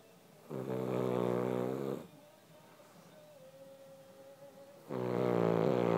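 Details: Dog snoring while asleep: two loud, buzzing snores on the in-breath with quiet breathing between them.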